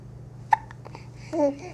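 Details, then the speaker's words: Baby girl with hiccups who seems happy: one abrupt, sharp hiccup, then soft babbling over a steady room hum. "You look Pretty Happy about having the hiccups"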